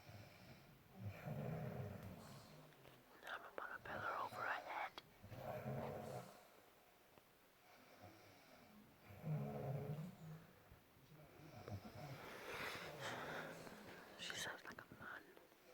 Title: WOMAN SNORING LIKE A MAN!!!!